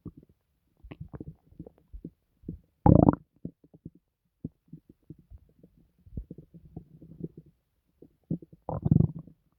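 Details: Loud stomach noises: low grumbles, bubbling and gurgling pops with a couple of louder rumbles; ordinary active bowel sounds, borborygmi.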